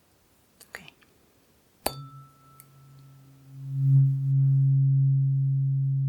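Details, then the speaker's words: Simulated (ASMR role-play) bedside hearing test: tuning fork struck and held beside one ear, steady low hum slowly fading; patient, eyes closed, compares which ear's fork sounds lower; tuning fork tone. "I'm going to play a different tuning fork in each year and you just need to tell me which is the lower frequency which sounds deeper to you"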